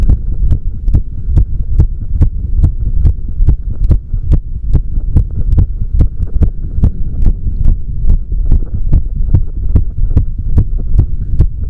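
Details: Steady, regular low thumps over a faint hum: a heartbeat recording, beats coming quickly and evenly; normal heart sounds.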